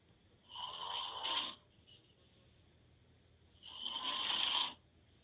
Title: Loud snoring 😴 boyfriend open mouth snore